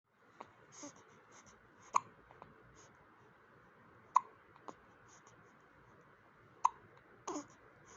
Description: Hiccups in baby #cutebaby #newborn #babyboy #cute #baby #motherhood #lovelybaby #indian #trendingshorts #smile